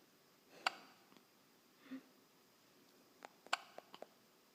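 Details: Brief sharp hiccup-like catches in a quiet room, several in a few seconds; hiccups.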